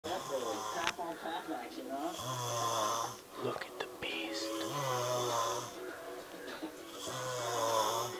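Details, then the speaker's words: Man asleep, snoring loudly 'like bigfoot': low, droning snores with each breath, with faint background music. "scary. Listen to him snore. Listen to him roar."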